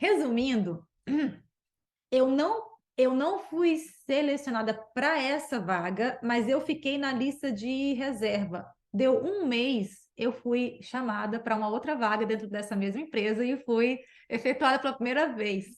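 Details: Adult woman who stutters; stuttering.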